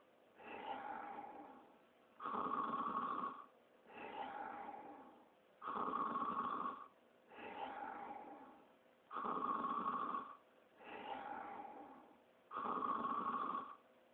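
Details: Cartoon snoring of Sonic the Hedgehog sleeping, not a real recording: slow, regular snores, each inhale rough and each exhale softer, about 9 breath cycles per minute.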